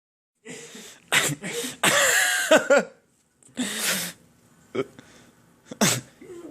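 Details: Adult man with hiccups: several short, abrupt voiced bursts with sudden gasping onsets, separated by quiet gaps.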